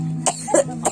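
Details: Someone with a hoarse voice from an illness not yet healed gives about three brief, dry cough bursts over background music. Cough.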